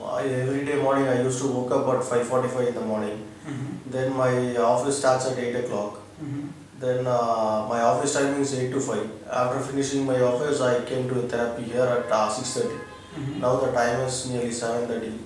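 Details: Male patient with puberphonia (high-pitched voice) speaking after about one week of voice therapy, with male pitch restored; finding: puberphonia after voice therapy.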